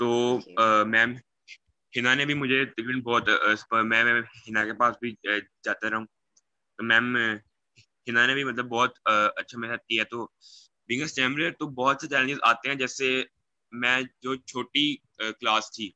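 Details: Young man who stammers, speaking in Hindi/Urdu; stuttering with word repetitions.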